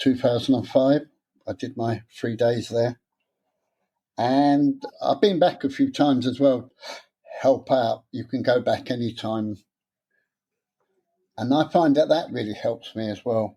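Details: Stuttering (stammer) in an adult man, present since about age seven after childhood trauma; he later took a three-day therapy course.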